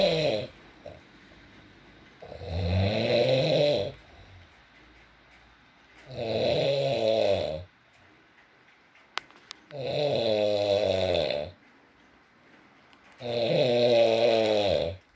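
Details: Adult man (boyfriend) snoring during sleep, with four long buzzing inspiratory snores, roughly four a minute, quiet pauses between and faint rain-like background hiss.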